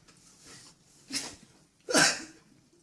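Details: Sneeze provoked by poking tissue paper up the nose, with watering eyes: a short breathy intake, then a small burst and a louder hissing sneeze; ordinary sneezing.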